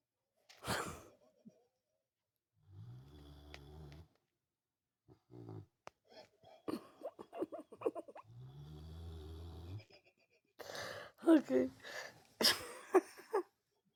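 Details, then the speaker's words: Sleeping dog snoring away: two droning snore sounds between short snorts, lip smacks and small noises; snoring. "Jeepers creepers. Pally snoring away."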